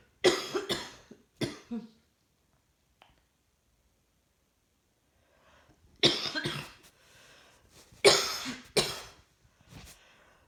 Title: Coughing clips while trying to work. Feeling rather hot today